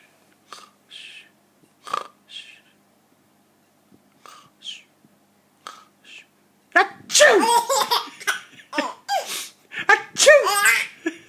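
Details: Father's repeated sneezes ("achoo") with his 4-month-old baby laughing: several short, sharp adult sneeze-like bursts followed by loud infant laughter.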